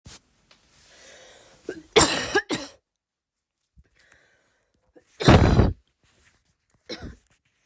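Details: A person's first attempts at a voluntary barking cough. Despite trying, they cannot produce the bark, so the coughs lack a true barking quality.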